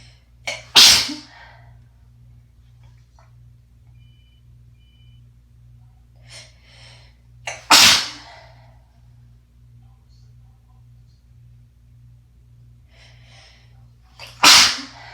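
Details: Person who is sick in winter, congested, with asthma and a recent wet chesty cough: three sharp, explosive sneezes, each preceded by a catching inward breath, over faint room hum; rough, congested sneezes.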